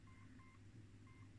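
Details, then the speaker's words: Old Siemens Sirecust BS1 patient monitor bench-tested with a simulated signal of 60 pulses per minute: soft, short beeps over a low hum, with each pulse counted twice so it reads 120; patient monitor pulse beep. "I mean I can hear the detector goes beep beep beep beep so it's detecting two probably because of the waveform of the signal"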